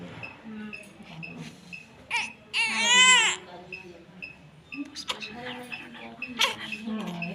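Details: Newborn's first cry at caesarean (LSCS) birth: loud, high-pitched cry bursting out amid room noise and faint music; normal first cry.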